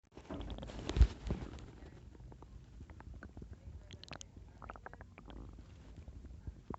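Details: Borborygmi in an adult with stomach upset and pain after heavy drinking and mixed food the night before: low rumbling, a louder gurgling surge early, then scattered bubbly pops and trickling gurgles.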